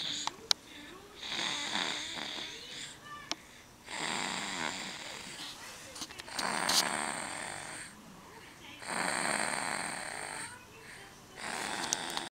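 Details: Snoring: rhythmic, raspy breath noises about every two to three seconds, roughly 25 cycles a minute, with a fluttering rattle on some breaths.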